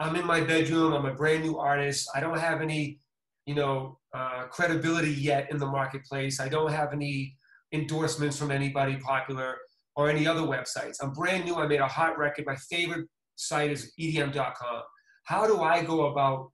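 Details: Adult male speaker; typical speech.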